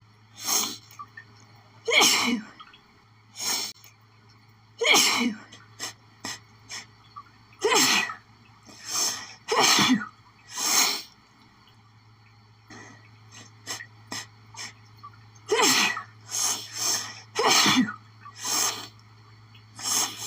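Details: Rapid run of repeated sharp sneezes in close succession: an intense, nonstop sneezing fit that began after sniffing lilies.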